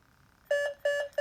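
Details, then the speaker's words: Alaris PCA pump with a CO2 detector cannula, demonstrated with the cannula removed to simulate no breathing: repeating pairs of steady electronic beeps, the capnography no-breath alarm after waveform and respiratory rate are lost. "I don't have a respiratory rate display down here and pretty soon I won't get a nun title measurement on there and this will start alarming at me telling me no breaths"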